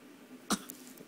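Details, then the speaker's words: An infant girl, asked to do a fake cough, gives one short, sharp deliberate cough burst: voluntary cough. "Fake cough. Do the fake cough. No. I want a fake cough. Fake cough. Go."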